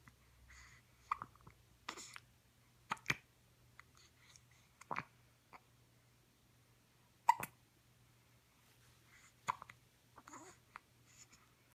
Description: This is pretty much what I do.....poot, hiccup, eat and sleep.